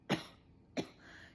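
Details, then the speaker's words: Acted wet cough: a person portrays a mucus-laden hacking cough from mucus and throat drainage, not from smoking; two loose, rattly cough bursts; productive (wet) cough. "I am not feeling good. I'm having this hacking cough. Like"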